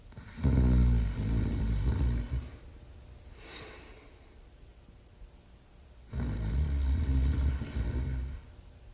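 Low, rattling snores, two long ones in about nine seconds, separated by quiet breathing. Snoring in a sleeping dog.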